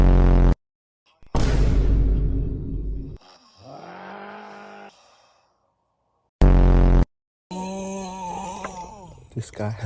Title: Funniest snores🤣🤣…. The last one is the funniest😭😭😭🤣🤣🤣